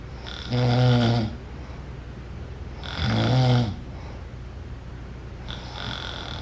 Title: Snoring - Sound Effect